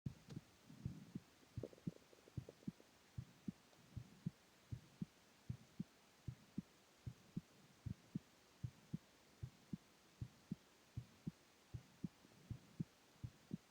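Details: Male at rest lying down: steady paired lub-dub heart sounds at about 77 beats a minute, with slight rustling at the start; heart sounds.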